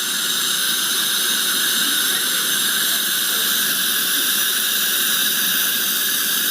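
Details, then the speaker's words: Steady high-pitched hiss and whine of an ultrasonic scaler with high-volume evacuation held beside the site, cleaning the lower anterior lingual teeth, capturing aerosols with no mirror splatter. "the hde is capturing all the aerosols you can see that there's no splatter on the mirror"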